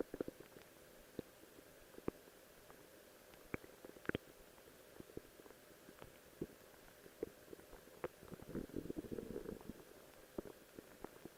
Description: Just wanted to show off my new Cosplay Outfit of Rose while my stomach is growling!